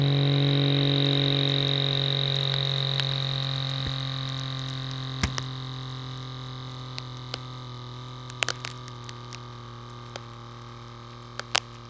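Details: Digital blood pressure monitor at home: steady motor hum and whine with occasional small clicks, slowly fading as the arm cuff inflates, after the power button is pressed with the user seated and relaxed.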